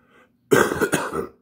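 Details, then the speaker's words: Adult man with a lingering rattling cough and throat clearing while recovering from an illness, with two more days of antibiotics left. "And I still got a little bit of a cough. Hear it rattling. But now all the rest of that shit's coming out."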